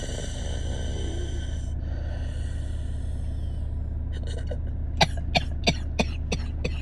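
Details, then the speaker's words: Adult with asthma and no lung infection (her "dry" asthma), recorded close-up in a car while taking deep breaths the day after an attack: steady high whistling wheezes, then about six short dry coughs over engine hum; asthmatic wheeze and dry cough. "I'm gonna bring the camera in close to get the microphone in close to my deep breaths in and out you'll see um the ceiling of my car and um hopefully the microphone captures the wheezing"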